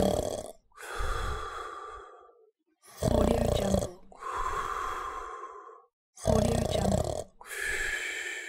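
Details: Sound-effect recording of a man snoring: loud rattling snores on each in-breath alternating with long airy out-breaths, about 20 breaths a minute.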